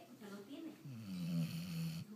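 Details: Dog asleep: a drawn-out, low, buzzing snore on a breath with a soft lead-in; dog snoring.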